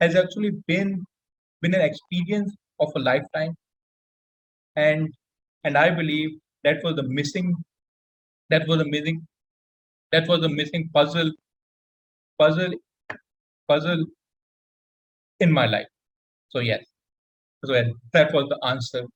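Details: Adult male introduced as a person who stammers, speaking on a public-speaking panel with frequent word and phrase repetitions; stuttering (stammering).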